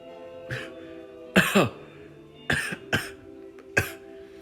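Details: Person trying to sneeze with eyes open, without success: about five short coughs and throat-clearing bursts over steady background music: cough.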